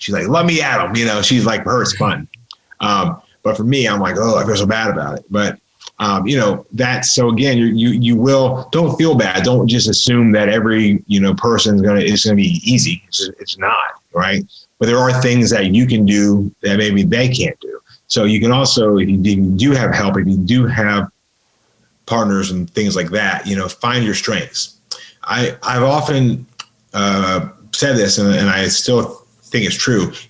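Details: Adult man with a lifelong severe stutter, worked on intensively, including 12 or 13 days of practice at a speech school, speaking in a podcast conversation: stuttering.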